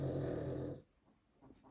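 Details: Snoring from a sleeping family dog, one of the household's Cavalier King Charles spaniels or long-haired Chihuahuas, heard during home conversation; which dog is snoring is unclear.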